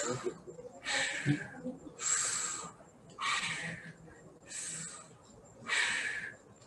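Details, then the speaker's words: Bronchial breathing demonstrated during respiratory examination teaching: loud, harsh, blowing breaths with a clear gap between inspiration and expiration, about 26 breaths a minute. "so bronchial breathing is different what is bronchial breathing that is you have a gap between inspiration and expression no residue"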